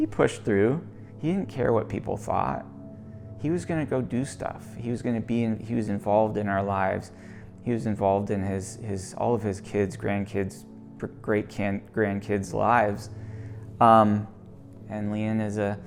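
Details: Adult male speaker; normal speech.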